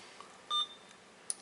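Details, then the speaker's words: Hospira Alaris infusion pump/PC unit keypad button test during visual inspection: short electronic beep with faint clicks in a quiet room, acknowledging a button press. "it looks like the screens blank, but all you need to do is start hitting these buttons. It's just checking functionality of each button."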